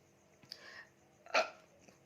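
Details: During a burping challenge after drinking Coca-Cola, a softer breathy sound is followed by a sharp, abrupt gulping catch in the throat, a single hiccup; faint room noise.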